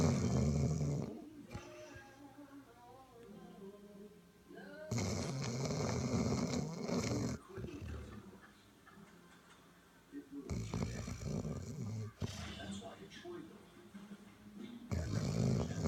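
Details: Very loud snoring from a sleeping male Chow Chow: low, rattling snores that repeat with each breath, with quieter pauses between them.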